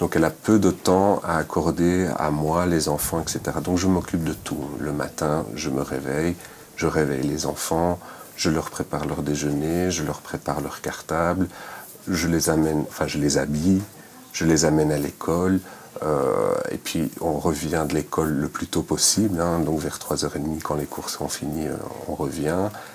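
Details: Aphasia in an adult French-speaking man, present since surgery for a grade 3 anaplastic astrocytoma (brain cancer) diagnosed in 2011.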